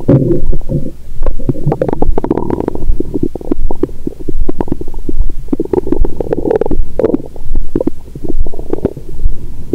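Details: After 22 hours of fasting followed by a big Christmas dinner with wine, the abdomen heard through a stethoscope gives constant loud gurgling and rumbling, the belly still said to be swollen with food: active bowel sounds.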